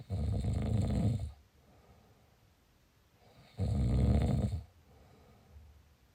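Two loud, rough snores on breathing in, each about a second long, with quiet pauses between.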